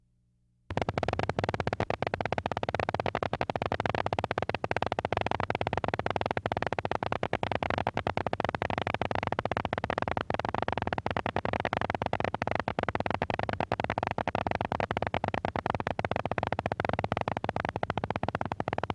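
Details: Needle EMG: polyphasic motor unit potentials and small so-called nascent polyphasic MUPs of normal or long duration. Heard as dense, rapid, crackling static.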